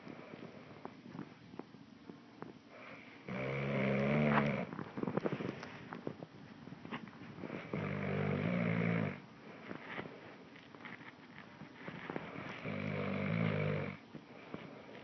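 Three rattling, vibrating snores about every four to five seconds, with quieter breathing and shuffling noise between. Snoring.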